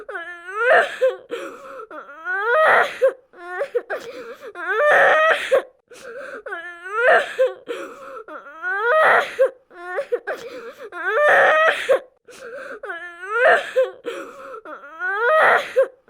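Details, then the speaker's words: Simulated pediatric emergency: 5-year-old boy, improperly restrained in a high-speed motor vehicle collision, severe head injury with right-sided head hematoma, alert, heart rate 140; repeated moaning, whimpering cries about one every two seconds. "Ed this is an aess unit coming in with a 5-year-old boy who was improperly restrained during a high speed motor vehicle collision he is alert and crying but has a hematoma on the right side of his head"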